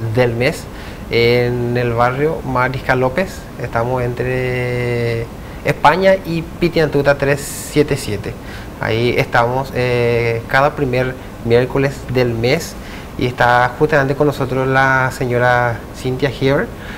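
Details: Adult man who stutters, speaking Spanish in an interview; stuttering.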